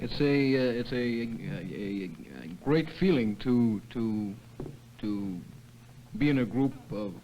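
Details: New member of a stuttering therapy group, early in group therapy, speaking with word and part-word repetitions; stuttering.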